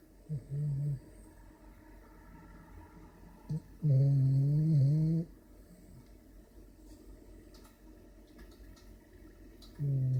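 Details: French bulldog snoring after eating and a shower: loud, low, rattling breath noises recurring in a quiet room; snoring.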